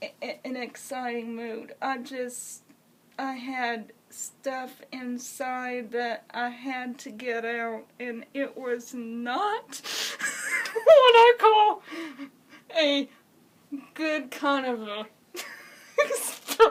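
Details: Adult woman with congenital cerebral palsy who uses a wheelchair, speaking; speech in cerebral palsy.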